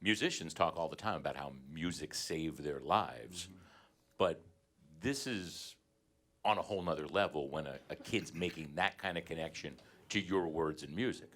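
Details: Adult man speaking; Normal speech.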